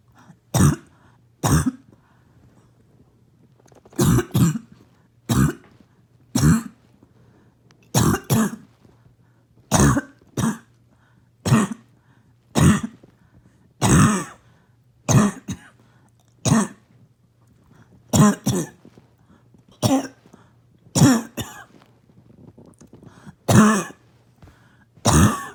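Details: Barking cough in an adult: repeated harsh, abrupt coughs, often in pairs, with a loud barking quality.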